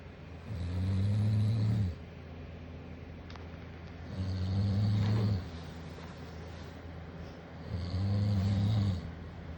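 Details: Dad's loud, deep, droning snores over a second each, about 17 breaths a minute, with faint room noise, so loud even the Maltese dog can't stand it; heavy snoring.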